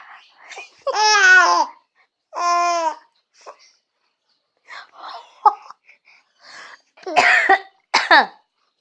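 A baby's bright laughing squeals, followed by two or three short, harsh adult coughs near the end; an ordinary cough.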